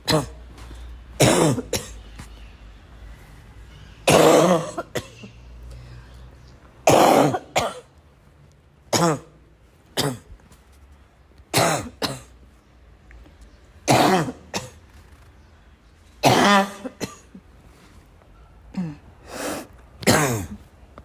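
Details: Persistent, uncontrollable coughing: irregular bursts of coughs mixed with throat clearing and snorts over about twenty seconds, with quiet room noise between.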